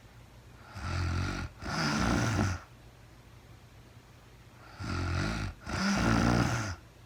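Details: Real-time recording of a woman asleep, no talking: two loud, rough, rattling snores, each split into two parts, with quiet gaps in a small room. Snoring.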